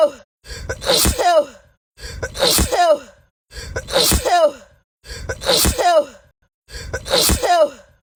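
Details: Black woman sneezing on camera, tagged allergies: five identical sneezes, each a quick gasp then an explosive burst, repeat in an edited loop.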